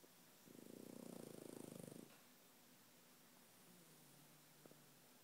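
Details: A sleeping French Bulldog snoring at night: one soft, fluttering snore lasting about a second and a half, then quiet breathing.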